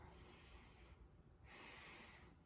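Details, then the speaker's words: Stethoscope lung auscultation during a head-to-toe nursing assessment, patient taking deep breaths, upper anterior chest near the clavicles: one soft breath cycle, clear, no wheezes or crackles; normal breath sounds. "sounds are clear and equal to auscultation bilaterally and i would know any uh a normal lone sounds any wheezing any brawls or crackles anything like that they are clear sounding"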